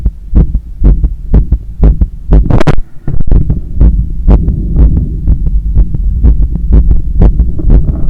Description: Recording after running 10km outside and climbing up 15 floors of stairs to get home. My heart was visibly hammering inside…